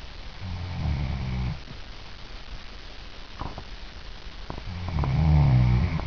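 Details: Woman snoring during her own sleep recording, before teeth grinding (bruxism) begins: two low, rumbling, moderate snores about four seconds apart with a few soft clicks between them.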